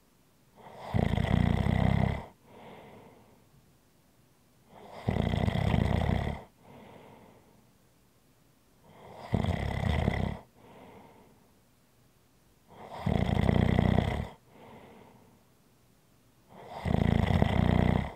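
Loud, rough snores on each in-breath with softer out-breaths, about 14 breaths a minute, regular and steady.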